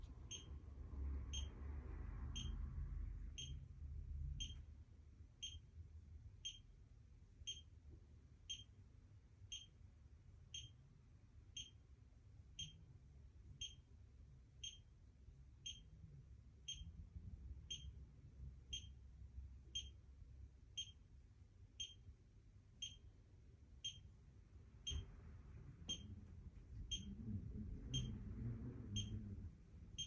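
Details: Pulse oximeter beeping during a head-to-toe assessment, heard while listening to heart sounds at the right sternal border, second intercostal space (pulmonic area).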